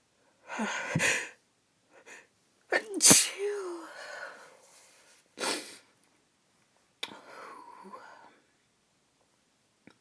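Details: Female, uncovered sneezes she tried to hold back: several sharp, forceful sneezes with a voiced tail and short pauses between them.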